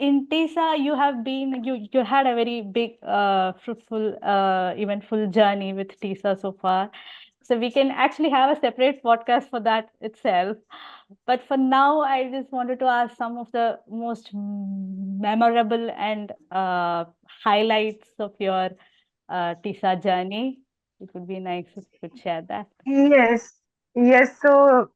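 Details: Stuttering in an adult woman who stammers and also has hearing loss.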